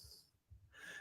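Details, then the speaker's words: Two low, rumbling snores with a soft hiss over faint room noise, from a pet dog named Cali who was sound asleep and bored during a live stream. Dog snoring. "can anyone else hear the doggy snoring she is snoring matt"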